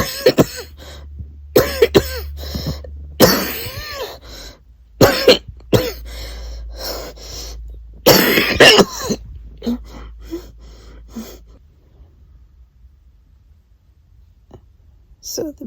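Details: Repeated harsh, wet coughs with throat clearing and gasping breaths: aspiration cough from food, liquid and stomach acid reflux during a chest infection, in a patient without a J feeding tube.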